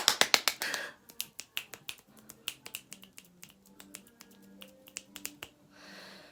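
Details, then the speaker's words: Motor tic of Tourette syndrome in an adult woman: rapid, uneven bursts of finger snapping, which she wants faster than she can manage. "hard to satisfy the snapping one because I want to snap at a rhythm that's too fast for me to snap so that's really fun"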